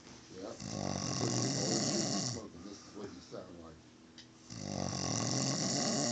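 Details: Adult white man asleep on a couch, long-time smoker said to stop breathing 23 times an hour, snoring: loud, rough, rattling inspiratory snores with short quieter pauses between them.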